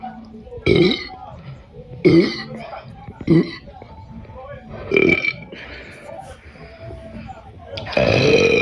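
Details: Person with stomachache: five loud burps over about eight seconds against faint background talk; repeated belching.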